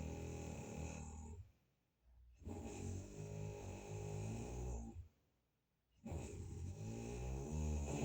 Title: Snoring #funny